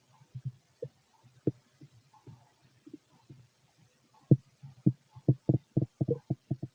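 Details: Fit adult male's abdomen auscultated with a stethoscope, giving low gurgles and bubbling pops, scattered and then in a quick run: ordinary stomach growling, bowel sounds.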